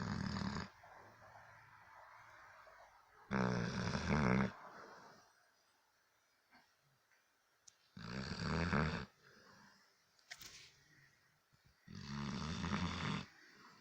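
Loud, rough snores in long bursts about every four seconds, with quiet gaps between: a sleeping dog snoring.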